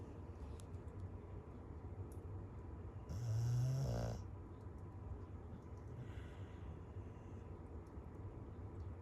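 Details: Dog snoring loudly during a nap, with a cat nearby: a single loud, low, rattling snore lasting about a second over steady background noise.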